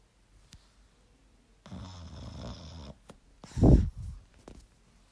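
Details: Sleeping dog snoring: a long, low rattling breath followed by a shorter, louder snorting breath in a quiet room.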